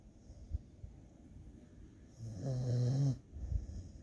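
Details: Dog snoring while napping: a low, rattling snore on one breath between quieter breathing sounds; snoring.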